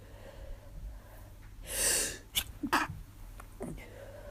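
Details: A sharp inward breath, then two or three forceful sneezes and a snort over steady hiss; repeated sneezing in a tired, miserable person who first thought it was allergies but woke with a sore throat and headache.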